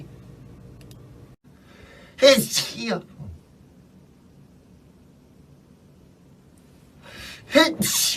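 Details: Two quick sneezes from an adult male K-pop singer, each a sharp burst preceded by a short breath in; from a compilation of his sneezes.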